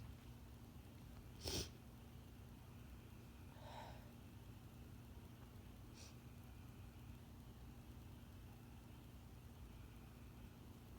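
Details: Female with a bad cold/sinus infection stifling intense sneezes: a few muffled bursts over low hum, the first strongest, then a few full sneezes when she couldn't withstand the pressure.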